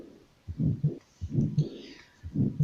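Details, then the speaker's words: Teaching example of a grade 4 heart murmur, intense with a palpable thrill and audible with the stethoscope at 45 degrees to the chest: heartbeats about 60 a minute with a loud, rough whoosh between the first and second sounds. "un soplo grado 4 es un soplo intenso con permito táctil es decir acompañado de vibración de la pared torácica es claramente perceptible se puede auscultar con el estetoscopio a 45 grados sobre el tórax"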